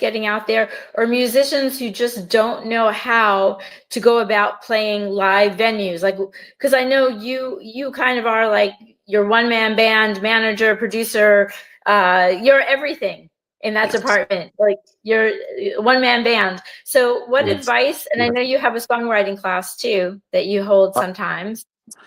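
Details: Adult woman speaking; normal speech.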